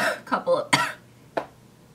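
A quick run of short, hacking coughs followed by one more isolated cough, with no rattle or wetness: a dry, tickly cough.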